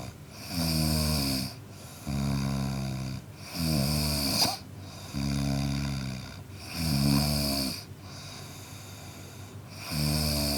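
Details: Loud, rough, buzzing snores repeating steadily with each breath in a quiet room: an adult man snoring, as a sound-effect recording.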